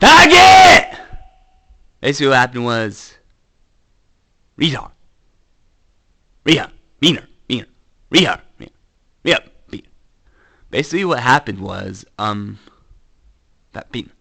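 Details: Male speaker with Tourette syndrome whose involuntary, uncontrollable coprolalia tics began in December, after an earlier period of only internal tics; offensive-word vocal tics interrupt his speech. Vocal tics with coprolalia (Tourette syndrome).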